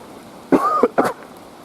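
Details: Two short, harsh coughs outdoors, the first with a throaty rasp, from an adult with a sore throat on a windy walk; cough.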